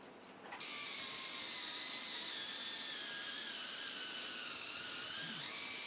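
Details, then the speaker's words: High-pitched whirring of a surgical power drill boring a marked hole in the first metatarsal neck during bunion surgery, before the bone cuts and osteotomy; surgical bone drill. "find the exact area where i need to drill my hole in the bone"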